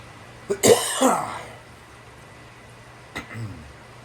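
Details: Throat clearing: two sharp throat-clearing bursts with a harsh rasp, the second softer, in a quiet room.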